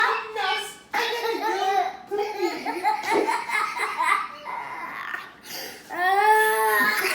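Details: 5-year-old child laughing in voiced bursts broken by brief coughing and choking-like catches, repeating in cycles.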